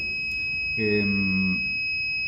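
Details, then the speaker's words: Steady high-pitched alarm tones with a brief voiced sound: low air supply alarm on a BIOROHM VitalSave Graphics T1 transport ventilator switched from neonatal assist-control to CPAP mode, supplied with oxygen only. "En modo CPAP nos está dando una alarma de bajo aire porque está solamente alimentado con oxígeno en este momento."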